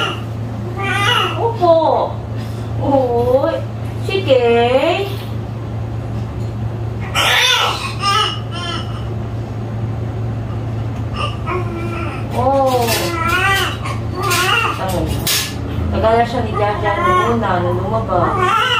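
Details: Newborn of a 33-year-old first-time mother, right after a normal delivery; strong, repeated wailing cries with a steady rhythm over a constant room hum; vigorous newborn cry.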